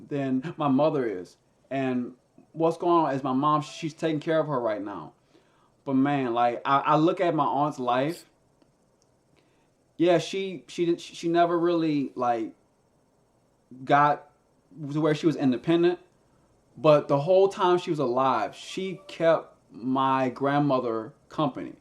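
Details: Stuttering in a man who stutters and uses a SpeechEasy device, a Bluetooth earpiece with a phone app that feeds his own voice back to him.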